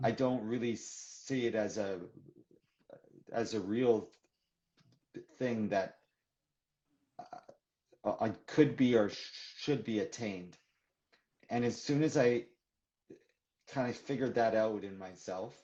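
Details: Adult man who stutters, speaking in a live conversation for International Stuttering Awareness Day; stuttering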